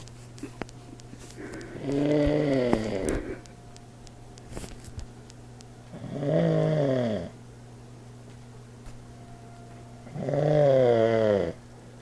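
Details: Old man snoring, recorded with an iPod speaker recorder: three loud, rattling snores about four seconds apart, roughly 14 a minute, with quiet breathing between and a steady room hum.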